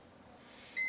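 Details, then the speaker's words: Short high electronic beep as a Panda infant radiant warmer is switched to servo mode after the skin temperature probe is taped over a newborn's right upper quadrant, during emergency delivery care, in a quiet room. "then you're gonna sit here and switch this mode to servo and"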